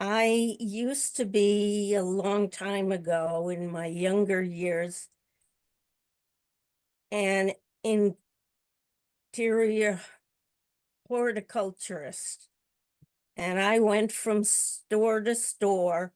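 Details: Older adult woman who stutters, also with a paralyzed vocal cord; stuttering.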